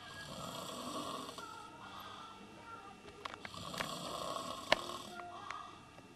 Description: Snoring after a 6 pack of beer